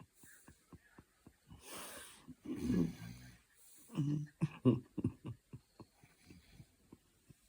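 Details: Man or dog, snorer uncertain: loud, low, snorting snores in clusters with a regular ticking sound in the background; snoring.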